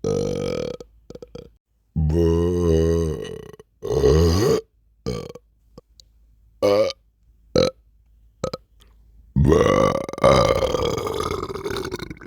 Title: sleepy burps